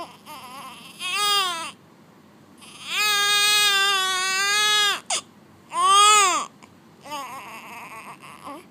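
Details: Strong, high-pitched rhythmic crying in repeated bursts with breaths between, from a one-day-old baby girl in hospital, born at home the day before; a normal newborn cry.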